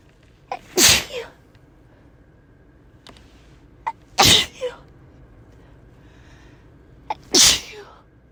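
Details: Repeated, uncontrollable sneezing in a car: three forceful sneezes, each with a sharp intake of breath before it, in a quiet space.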